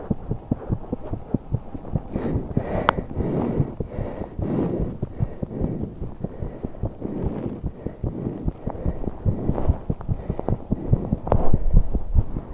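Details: 21-year-old female's heartbeat and breathing during exercise while holding her breath, which she could manage only a few seconds: fast, regular heartbeat near 146 per minute with breath sounds and noise; rapid exercise heartbeat.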